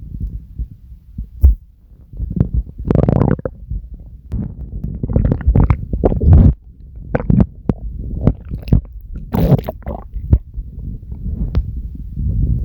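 Long, loud, low rumbling and gurgling with squelchy pops, close to the belly: ordinary stomach growling.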